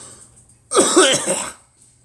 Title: Me coughing and girl 😀